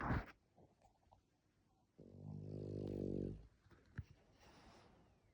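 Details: A single buzzing, rattling snore on a breath in from a female French bulldog in her owner's arms with eyes open; snoring.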